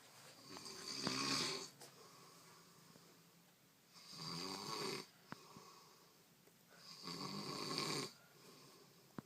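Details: A sleeper in his bed snores with rattling, fluttering snores on each breath, about three in nine seconds, over quiet room noise; the snoring is described as pretty bad.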